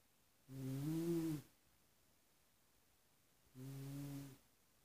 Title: My Snoring Uncle